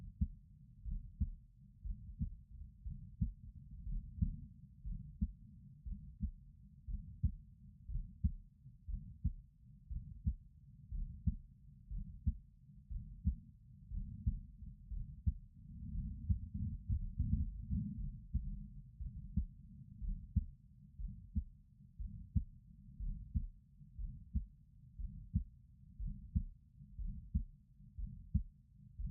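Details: Woman's heartbeat recorded with a stethoscope while her neck pulse is watched: steady, low thumps at about 60 a minute, normal heart sounds with no distinct extra noises.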